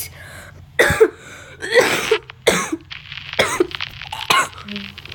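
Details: Person who says he got sick coughs while gaming: several loud, harsh coughs in quick succession with throat clearing between; acute cough from illness.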